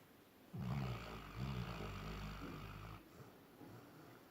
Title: Labrador sleeping and snoring